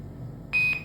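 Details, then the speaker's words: INFUSYS-S syringe infusion pump demo: a single short, high electronic beep over low room hum, the key-press tone of the purge/bolus key used for manual bolus during normal running infusion. "So likewise in normal running condition, infusion, we can use purge or bolus key for manual bolus."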